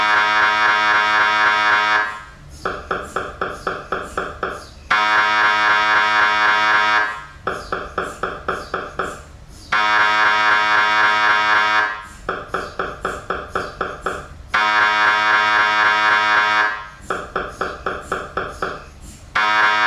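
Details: MRI scanner sequence noise: loud repeating machine tones, with steady buzzing stretches alternating with rapid pulsed beeping in a regular cycle of about five seconds.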